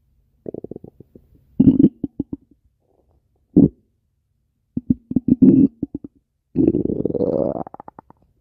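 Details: Stomach growling (borborygmi) in a man: irregular gurgling rumbles and rapid bubbly pops with short gaps, ending in a longer rising growl.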